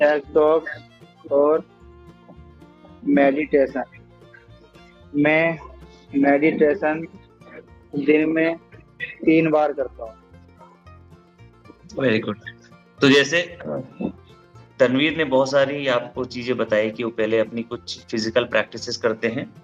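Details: Stuttering (stammering) in an adult Hindi-speaking man, a commerce graduate who took an offline stammering course and practises techniques for blocks on certain words; background music plays over the clip.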